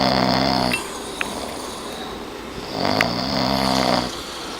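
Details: Loud, buzzing snores in two long breath cycles from a sleeping man, over a steady background hum; snoring.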